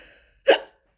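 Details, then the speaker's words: Adult with recurring hiccups that come out of nowhere: a single sharp, brief voiced hiccup bursting out of near silence. "oh here we go again [Laughter] back with the hiccups oh dear so uh they just come out of nowhere"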